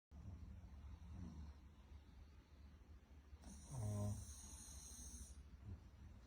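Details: Pug snoring in sleep: quiet snuffling breaths with one louder, rattling snore on inhalation.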